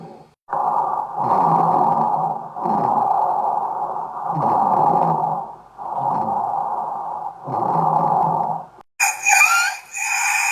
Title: Auscultación pulmonar * Tipos de sonidos Anormales